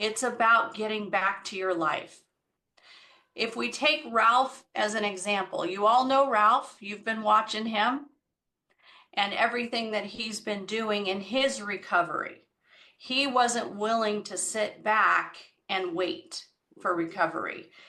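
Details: Adult woman speaking; normal speech.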